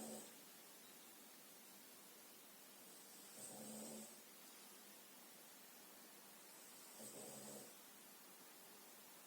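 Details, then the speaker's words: Snoring from a sleeping pet dog: quiet, rhythmic snores every three to four seconds, about 16 per minute, over steady room hiss. "Si vous entendez ronfler, c'est ma chienne qui ronfle. Je ne sais pas du tout si ça s'entend sur la"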